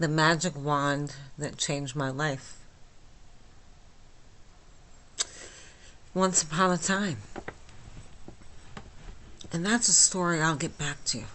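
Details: Adult woman with myasthenia gravis since age 8, lifelong talking and swallowing problems, speaking at 3 a.m. without her usual speech appliance; hypernasal flaccid dysarthria.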